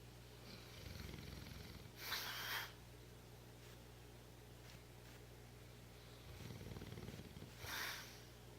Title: Snoring Contest